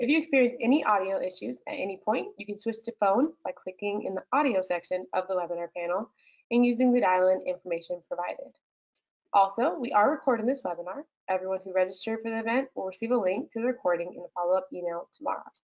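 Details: Adult woman speaking; normal speech.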